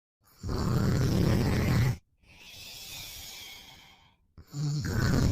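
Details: Boyfriend snoring, sleepy after a long day: loud, rough in-breath snores alternating with softer breathy out-breaths, brief silences between.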